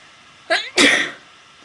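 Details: A single real sneeze from a girl filming a sneezing video with a friend: a quick in-breath, then a loud, explosive burst of air.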